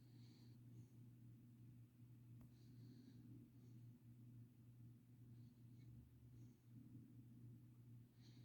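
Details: Sleeping dog with soft, low, rhythmic rumbling snores and faint snuffles, roughly 40 a minute; light snoring.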